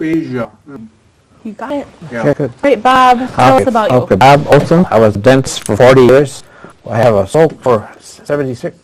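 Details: Man aged 76 at his stroke, a former dentist, with post-stroke aphasia, attending an aphasia conversation group for support and communication practice; real patient speech showing aphasia.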